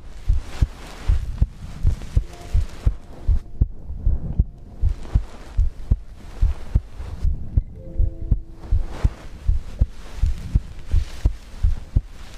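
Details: Own heartbeat recorded for ASMR heartbeat-and-breathing sleep content: low, regular normal heartbeat thumps at about 80 a minute, with soft rustling and a brief faint tone in the background.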